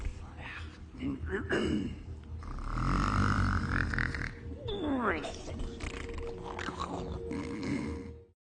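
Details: Sleeping cat dreaming: rough rumbling snoring breaths with squeaky, chirping vocalisations; snoring.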